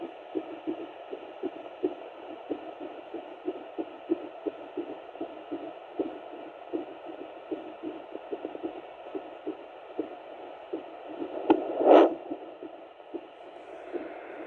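Rapid, regular pulsing whooshes of a heartbeat picked up by a Doppler over a steady hum, with one brief knock.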